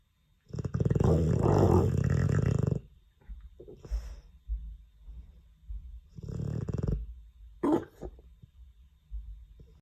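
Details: Sleeping Dogue de Bordeaux snoring: loud rumbling, fluttering snores, with one long snort-like snore followed by softer ones.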